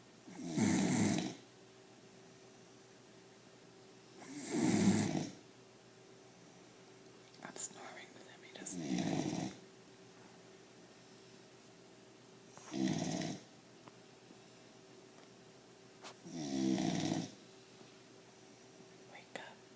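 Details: Pit bull puppy asleep on owner's lap, snoring like an old man, not waking to sounds; loud, regular rattling snores about every four seconds, roughly 15 a minute, in a quiet room.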